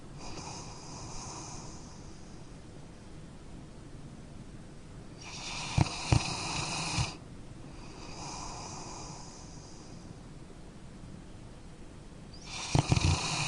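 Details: Rough, rattling snores with each breath, some louder with snorting peaks, over a steady room hum; snoring.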